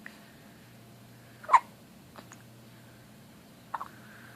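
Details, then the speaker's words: Infant girl hiccuping: several short, sharp hiccups, one louder than the rest, over a quiet background. "mommy loves you oh my gosh your hiccups are adorable you get aggravated"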